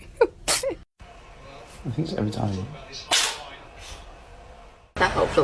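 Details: Cat sneezing: several sharp, hissy bursts heard as quick sneezes, with a person's voice in between.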